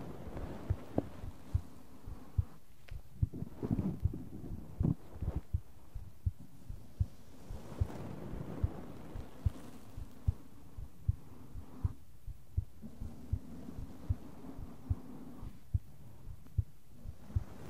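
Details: Soft, steady heart thumps at about 70 beats a minute, recorded for ASMR with brushing and tapping in the other ear; a regular, normal heartbeat.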